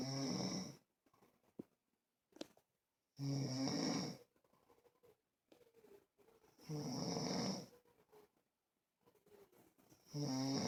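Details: Steady snoring in sleep: loud rattling snores about every 3.5 seconds, roughly 17 a minute, with quiet breaths between.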